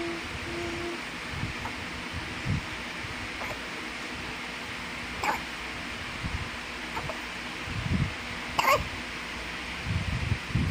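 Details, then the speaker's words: Newborn baby girl hiccuping loudly while trying to yawn: brief, sharp little catches every couple of seconds against quiet room noise. "loud baby hiccup - father and mother are surprised with loud baby hiccup Baby is supposed to yawn but she hiccups at the same time. Mother mentions baby has a loud hiccup"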